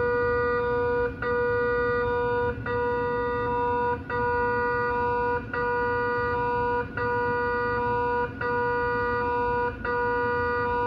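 Loud steady electronic tones in repeating blocks about every 1.4 seconds, with brief gaps between them: MRI scanner noise during a scan.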